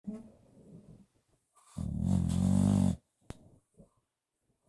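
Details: Bulldog snoring while napping on its owner's lap: one long, loud, rumbling snore with softer snuffling breaths around it, typical of noisy breathing in a short-nosed dog.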